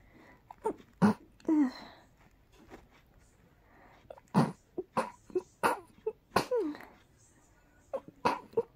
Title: More teasing rapid sneezes